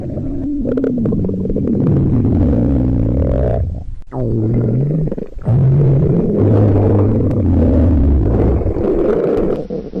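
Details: Acted scene of a high school girl fasting for a day to diet, at the limit of her hunger: long, loud, low gurgling and rumbling with drawn-out groaning tones and a brief pause; hunger stomach growling (borborygmi).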